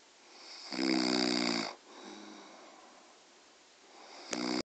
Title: mum snoring